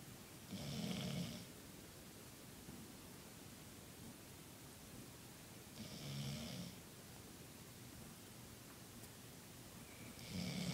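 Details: Sleeping dog whose snoring has grown louder with age: three slow, rattling snores about five seconds apart over steady room hiss; dog snoring.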